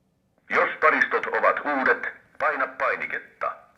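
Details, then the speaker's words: ZOLL AED Plus automated external defibrillator voice prompt: a recorded, tinny Finnish setup instruction after batteries are inserted and adult defibrillation electrodes are connected. "aikuisen defibrillointielektrodit ja nyt odotetaan laitteen ohjeita"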